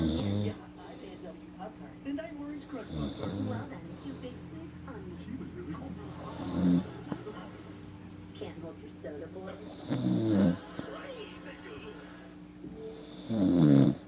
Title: When Someone Says They Don't Snore So You Record Em